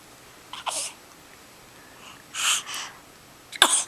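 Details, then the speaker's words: Infant sneezing: three quick, high-pitched sneezes in a row, short sharp bursts of air, in a baby who also had hiccups; a normal reflex. "oh bless you bless you bless you"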